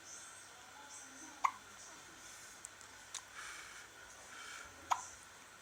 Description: My Newborn Daughter Hiccups